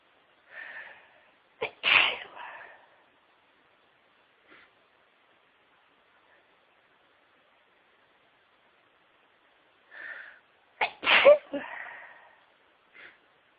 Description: More sneezes from me, had been suffering with a cold and this is towards the end of it.